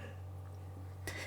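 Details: A massive sneeze from across the room: a brief, sharp burst over a steady electrical hum.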